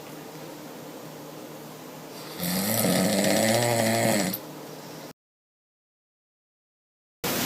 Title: Snoring Sleep Apnea Treatment Redondo Beach - Fulbright Cosmetic & Reconstructive Dentistry